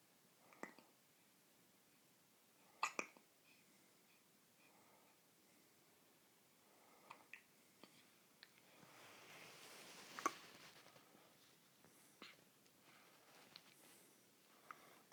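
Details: Baby hiccups, not relieved by burping, rubbing or patting and only stopped by nursing: quiet room with a few soft, abrupt catching sounds spaced irregularly.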